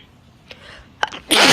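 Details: Chinese girl with allergies, nose sore from blowing: a short catching intake of breath, then a sudden forceful, wet, spraying sneeze.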